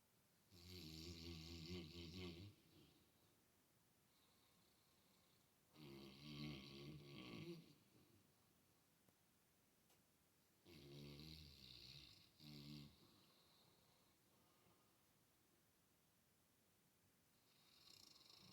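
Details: Two sleeping puppies snoring at each other: three loud, rattling snores about five seconds apart, with quieter breathing between, in a quiet room.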